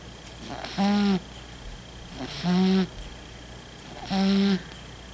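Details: Sleeping cat: loud, buzzing snores on each breath, roughly 36 a minute; snoring.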